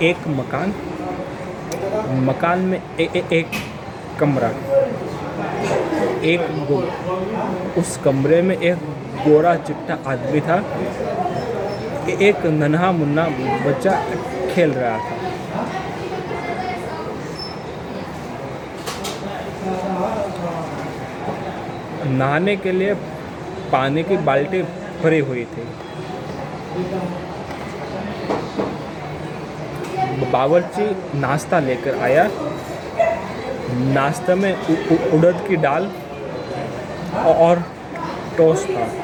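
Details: Adult man who stammers, with mouth ulcers affecting his lips, on day 68 of daily stammering practice in a hospital; stuttering.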